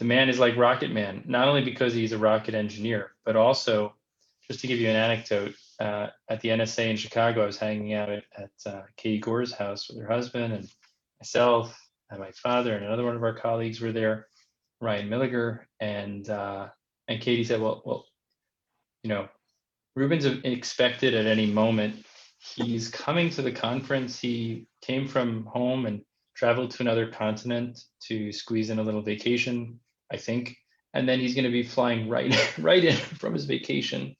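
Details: Adult male speaker; typical speech.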